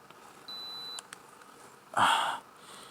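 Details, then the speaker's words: A single short electronic beep over quiet room noise and brief rustling from an older ear thermometer finishing a reading of 96.9; the person has COVID and pneumonia and feels hot after a nap. "that's probably the lowest i've ever seen it's uh it's uh 96.9 on that a year i i usually uh check both ears when i do my camp"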